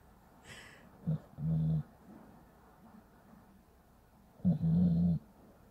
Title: Pitbull snoring like a human